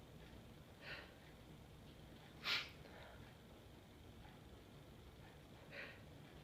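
Three short, noisy nasal bursts: snorts or small sneezes against quiet room hiss.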